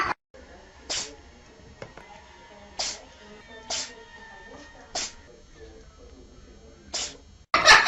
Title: Funny Animals Sneezes Compilation. Funny video.